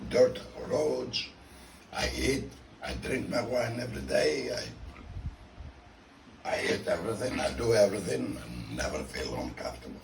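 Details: Tracheoesophageal (alaryngeal) speech with a voice prosthesis in a man 14 years after laryngectomy.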